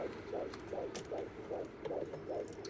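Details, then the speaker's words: Fictional TV-movie scene, pregnant woman resting in hospital after contractions stopped: rapid regular whooshing pulses from a fetal monitor, about 140 a minute, with faint room noise; fetal heartbeat on monitor. "Oh, do you mind leaving it on? I like to hear the baby's heartbeat."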